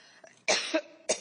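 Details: Adult woman testifying at a congressional hearing gives two sharp, harsh cough bursts within about a second, part of a coughing fit that halted questioning.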